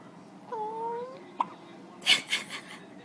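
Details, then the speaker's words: Baby boy with hiccups: brief infant vocal sound, then a single sharp hiccup click, followed by rustling; infant hiccups. "How dare you film me while I have hiccups?"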